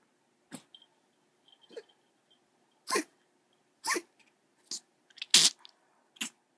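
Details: Dog, Olivia, after tracheal stent placement gives about seven short, harsh, dry coughs; persistent post-stent cough.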